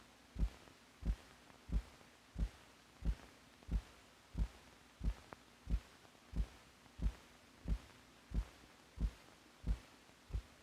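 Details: Normal heartbeats recorded in a film made for doctors, possibly from the 1950s, correlating the heart's physical motion with its sounds.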